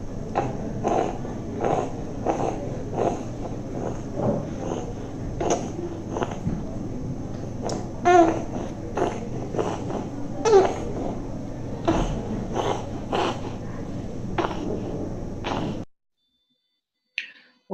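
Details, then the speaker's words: Infant with noisy breathing possibly since birth, suspected congenital issue masquerading as asthma, otherwise well. Rapid, rhythmic noisy breathing with a single musical whistling note on some breaths out: an expiratory monophonic wheeze. "if you look at this child carefully, then otherwise the child is well, but the child has some expiratory noise."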